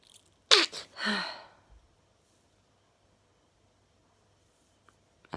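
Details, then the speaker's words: A single sharp, explosive sneeze with a sudden burst of air and voiced release, then quiet; one sneeze in a sneezing fit, with jaw discomfort while sneezing. "i hate it when i get this jaw when i'm sneezing"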